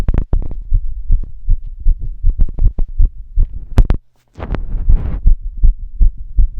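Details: Steady, fairly quick low thumping heartbeat in a longer recording made while active, with a brief dropout and some rubbing noise; a normal heartbeat.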